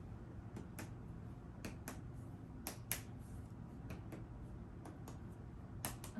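About six pairs of sharp finger taps in a quiet room, each with a brief hollow thud: normal resonant chest percussion note.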